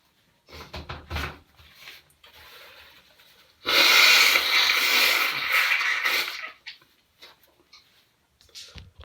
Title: 4 Sneezes With Noseblow (M)